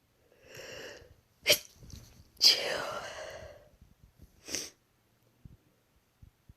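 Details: Three induced sneezes while sick with a cold, ill for over two months; each a breathy intake followed by a sharp explosive burst of air in a quiet room; sneezing.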